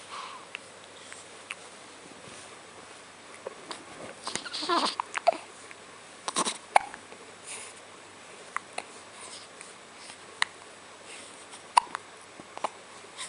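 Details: Hiccups: brief, abrupt little catches repeat at uneven intervals over quiet room noise.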